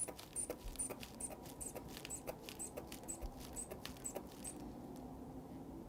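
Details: Blood pressure examination of an adult with the arm resting at heart level; one arm read 125/78 before moving to the other arm. Soft rhythmic hand-bulb squeezes with faint hissing as a manual cuff inflates, then releases.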